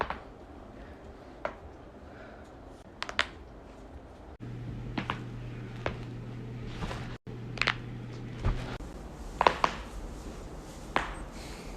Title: loud neck/knuckles crack compilation